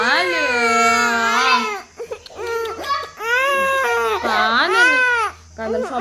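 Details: Loud, sustained wailing cry with catching breaths between sobs from a young child, one of twin girls, reportedly after being pushed from stairs and bleeding; child crying.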